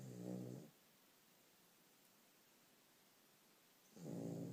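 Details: Two low, buzzing snores from sleeping dogs, separated by a few seconds of quiet breathing; described as an especially loud case of dog snoring.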